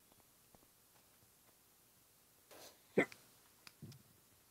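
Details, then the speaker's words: A single sharp, abrupt hiccup follows a brief breath in a quiet room, with faint small sounds after it; the person then remarks on having the hiccups. "oh God I have the hiccups"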